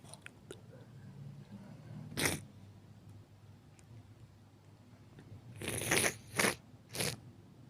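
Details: Repeated sneezing in a Japanese sneeze recording aimed at a male audience: one sneeze, then a quick series of three more bursts.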